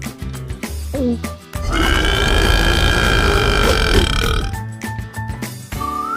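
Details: Cartoon burping: a long, loud, rumbling burp over music.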